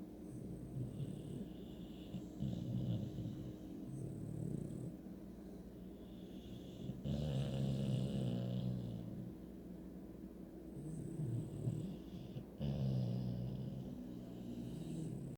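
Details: Someone snuggled up and snoring very loudly: steady, low, rattling snores with each breath, about every two to three seconds; ordinary snoring.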